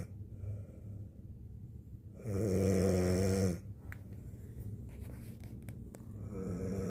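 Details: Woman recorded snoring by her husband on a night she was very tired: a loud, rough, low-pitched snore on one in-breath, with quiet breathing before and after.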